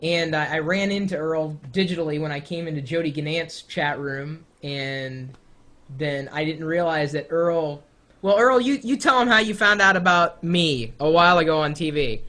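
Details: Adult speaker; ordinary speech.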